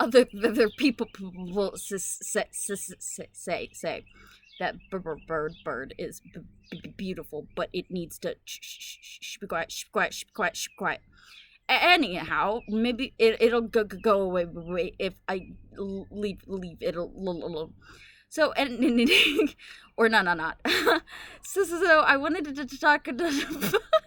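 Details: Woman with Tourette syndrome whose uncontrollable vocal tics, including echolalia, interrupt her speech; vocal tics with echolalia and palilalia (Tourette syndrome).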